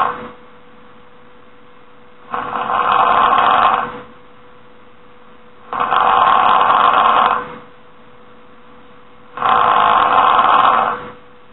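Three long, harsh snoring breaths at a slow, steady pace, about every three and a half seconds, with a steady hum in the background.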